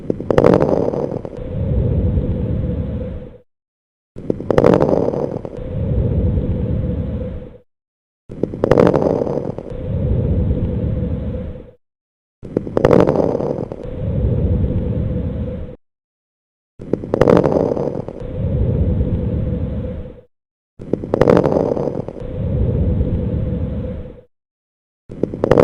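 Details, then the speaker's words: Teaching recording of coarse crackles: low, bubbling crackles with each breath at about 15 breaths a minute, suggesting secretions in the larger airways. "Fine crackles. You are listening to fine crackles. Coarse crackles. You are listening to Coarse Crackles."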